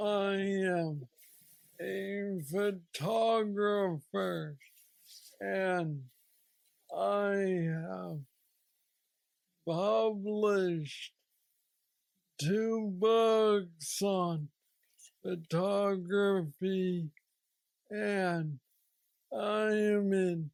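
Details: 46-year-old man with Parkinson's disease diagnosed at age 35, which he calls the most aggressive form; he has a deep brain neurostimulator implant and mobility struggles; hypokinetic dysarthria (Parkinsonian speech).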